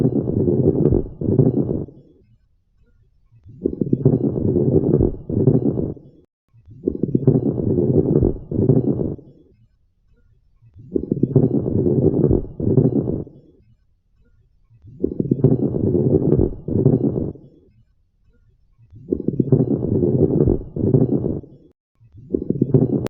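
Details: Breathing at about 16 a minute with coarse crackles: loud, low-pitched, bubbling or gurgling sounds heard mainly during inhalation, longer and more pronounced than fine crackles.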